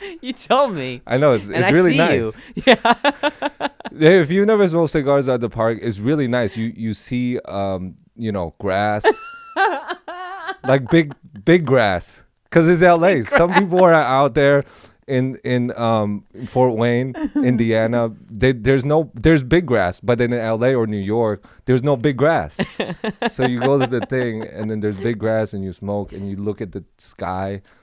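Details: Adult male speaker; normal conversational speech.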